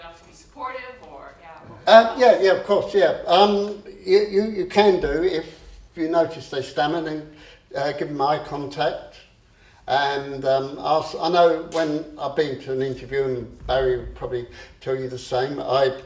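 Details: Adult man who stammers; he describes swapping words and later using a breathing technique to control it; stammering (stuttering).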